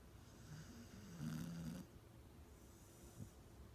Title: Can you please not snore so loud?